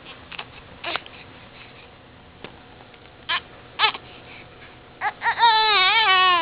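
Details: Baby boy about 1.5–2 months old with frequent hiccups he dislikes: a few brief catching hiccup sounds, then a short wailing cry at the end; infant cry.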